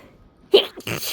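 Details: Sneeze during a sneezing fit induced by a small amount of fresh chhinkni sneezing powder: single loud sneeze with a sharp intake and forceful burst.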